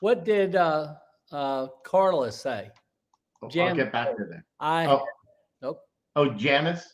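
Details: Aphasia in a stroke survivor about 9.5 years after the stroke, speaking during a live show.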